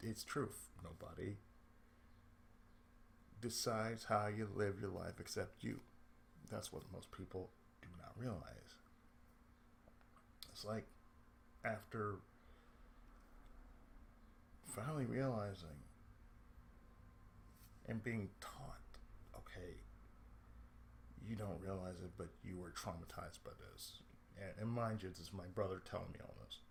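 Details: Adult man with cerebral palsy, who reports speech problems since childhood and a lisp at times; speech affected by cerebral palsy.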